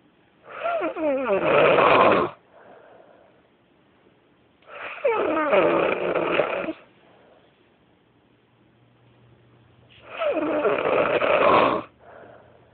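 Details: Loud, awkward snoring at 5 in the morning: three long rattling snores about every five seconds with quiet breaths between; snoring.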